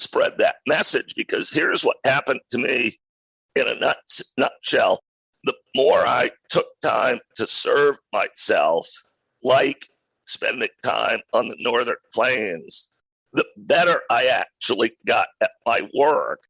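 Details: Adult male who acquired a rare neurological voice disorder in 2012 that made speaking difficult, still audible in his speech today; neurological voice disorder.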